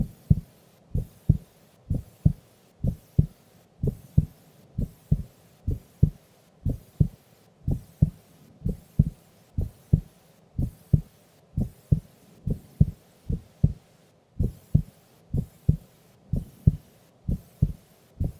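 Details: Sleeping female during an afternoon nap: steady lub-dub heartbeat at about 61 beats a minute, even rhythm, no extra sounds; normal resting heart sounds.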